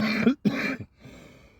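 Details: Two quick harsh cough or throat-clearing bursts from an adult man outdoors, then quiet outdoor background.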